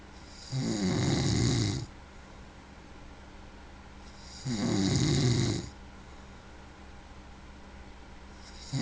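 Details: Two long, low rattling inspiratory snores, about 16 a minute, with quiet exhalation between; snoring.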